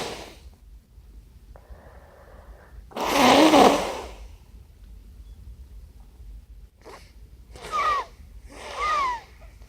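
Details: Naturally stifled sneezes from a congested person, attributed to strong white pepper: one loud, wet, congested sneeze followed by two smaller sneezy bursts in a quiet room.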